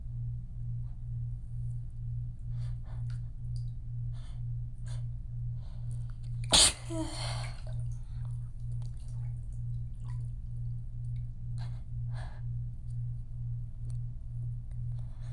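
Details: Sneezing fit in the bath, person reporting dizziness and some wheezing: a single sharp, loud sneeze over a steady low background hum and faint drips.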